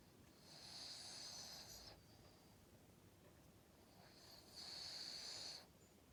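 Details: Cavalier King Charles Spaniel asleep: two soft, high-pitched whistling snores on the in-breath, a few seconds apart, in a quiet room; light snoring.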